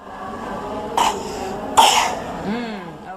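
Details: Two short, sharp coughs from a child, followed by a brief vocal sound over steady room noise, in a child assessed for cough or difficulty breathing, with chest retraction and stridor to be checked.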